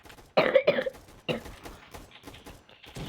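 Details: Two quick, harsh cough bursts, then a softer throat-clearing cough at the start of a recording, followed by faint room sounds; cough.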